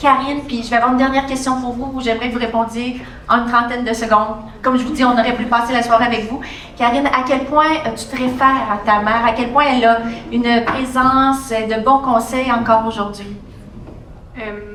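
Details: Adult female speaker; Normal speech.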